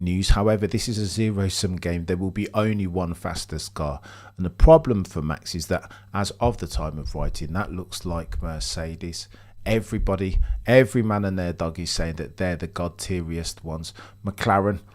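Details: Adult male speaker; normal voice.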